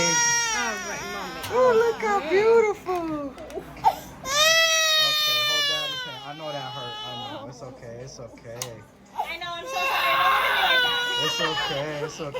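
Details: Eight-month-old baby girl's pain cry during ear piercing: loud, high-pitched, wailing bursts of crying with a soothing adult voice nearby.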